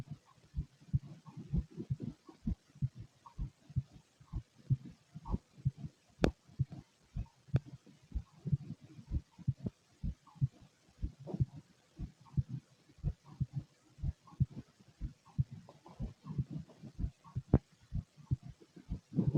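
Steady low heartbeat thumps at about 63 beats a minute, with faint background noise.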